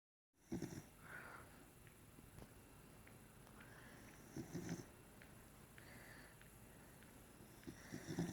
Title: My sleeping snoring baby panda